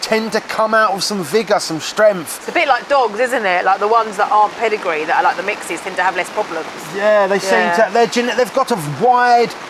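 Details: Adult speakers in conversation; typical speech.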